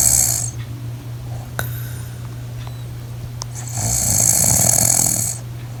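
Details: Adult woman snoring in her sleep, recorded by her husband: loud, rough snoring with a low fluttering rattle on the in-breath, over a steady low room hum.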